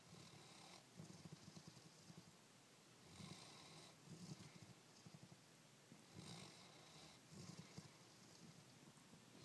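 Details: Snoring during sleep after an exhausting day at daycare: soft, rhythmic fluttering snores about every 3 seconds over steady room noise.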